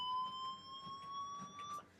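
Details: A manual defibrillator gives a steady electronic tone rising slightly in pitch as it charges during a simulated cardiac arrest; the patient is then found in asystole and the shock is dumped: defibrillator charging tone.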